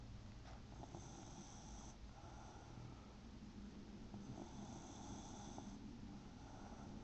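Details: A son snoring: soft, repeated snoring breaths under constant background noise; ordinary snoring.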